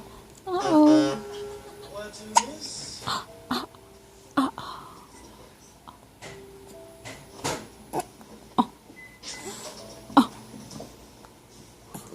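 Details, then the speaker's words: Young child's babbling and talking broken by sharp, brief hiccup catches at irregular intervals, with faint background music; adult comments the hiccups hurt and interfere with talking; hiccups. "Oh, those hiccups. Uh-oh. Oh, it hurt. Doesn't help talking when you got the hiccups."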